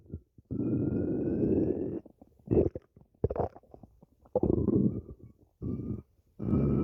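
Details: Loud, drawn-out gurgling rumbles with rising squeaky tones, broken by short bubbling bursts: stomach growling (borborygmi).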